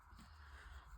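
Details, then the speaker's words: Snoring from a sleeping female miniature dog weighing 6 kilos, described as loud for her size: a quiet, low, steady rumbling snore, one breath. "It's just that my short girl is snoring and you can hear him and If you knew how big it is, that is, it makes a loud noise, it's a miniature dog, not so small but it's valid for its 6 kilos"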